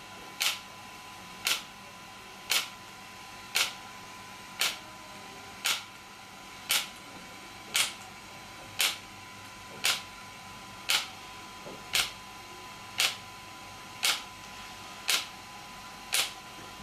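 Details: An extracorporeal shock wave therapy (ESWT) device used for muscle and bone pain relief, with the patient's feet placed on a support: sharp, evenly spaced clicks at about one per second (57 a minute) over a faint steady hum.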